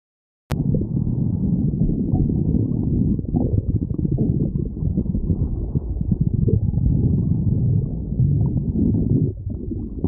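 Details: Stomach growling: borborygmi.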